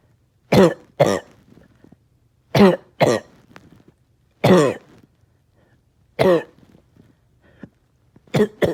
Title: Bad cough all day